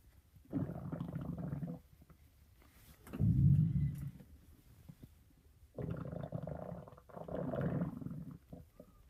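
Low, rumbling, gurgling growls in several long waves with quiet gaps between them; ordinary stomach growling.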